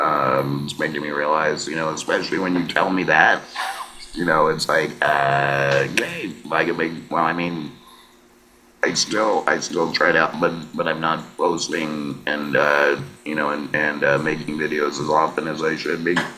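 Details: Laryngectomee man speaking with an electrolarynx: electrolarynx speech.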